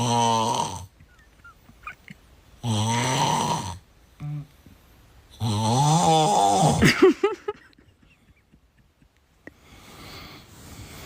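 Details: Three loud, drawn-out, tonal rattling snores about a second each, the last breaking into sputtering sounds; loud snoring.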